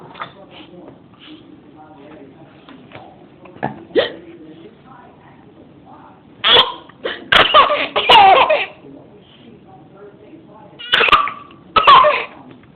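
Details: A baby with the hiccups gives several loud, abrupt, voiced hiccups in quick succession, with soft adult talk and laughter nearby: hiccups.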